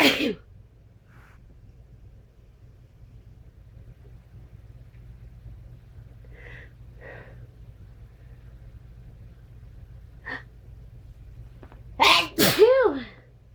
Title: Strong sneezes